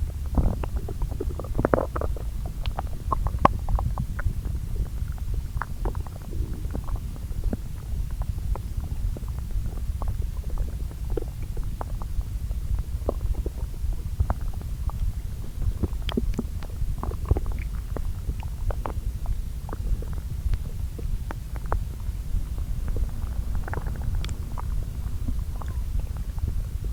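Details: Self-recorded bowel sounds from two areas of the lower intestine, overlaid, the day after meals: low, steady gurgling with scattered clicks and squelches. Normal borborygmi.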